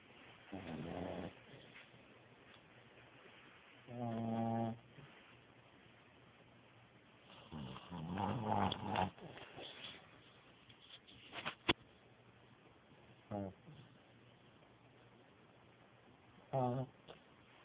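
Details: Female pug fast asleep, snoring: irregular snorting, rattling snores with gaps of quiet breathing, including one longer snuffling run; flat-faced dog snoring.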